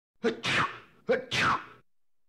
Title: Man Sneeze 3 Sound Effect